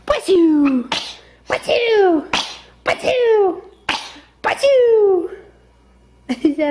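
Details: About six sharp, sudden newborn sneezes, each followed by a short squeaky voiced tail; normal newborn sneezing that clears the nasal passages.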